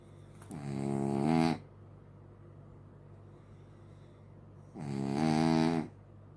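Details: Sleeping dog snoring like a human: two loud, buzzing, tonal snores about four seconds apart, each around a second long, with quiet breathing between; snoring.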